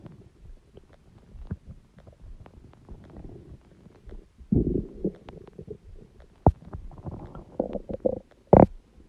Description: Huge stomach growling noises!!!!